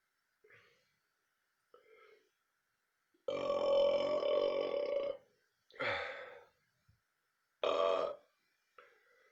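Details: Several burps in a row, one long drawn-out belch among shorter ones, in a quiet room; repeated belching.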